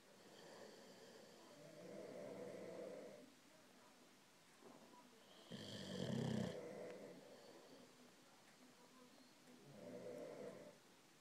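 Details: Two sleepers snoring in turn, soft rumbling snores alternating with a louder, higher whistling snore; snoring.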